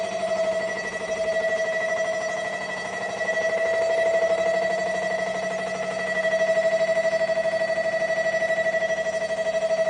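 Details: Real Siemens Aera MRI scanner running an imaging sequence: loud, steady rapid buzzing pulses with a ringing electronic tone, the typical knocking hum of MRI scanning.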